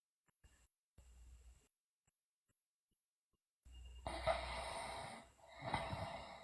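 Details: Loud snoring from a sleeping girl, with teeth grinding and sleep-talking.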